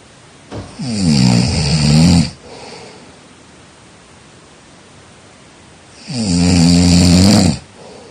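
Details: Two loud, rough, low snores each lasting over a second, separated by quiet breathing; snoring during sleep.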